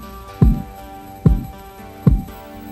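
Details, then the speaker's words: Korotkoff sounds heard by stethoscope over the brachial artery while a blood pressure cuff is slowly deflated in a 1997 Red Cross training demonstration: three soft regular thumps, about 72 a minute, over a steady hum. "Deflate the cuff slowly until the pulse is heard. This is the systolic pressure. Continue to deflate until the pulse is no longer heard."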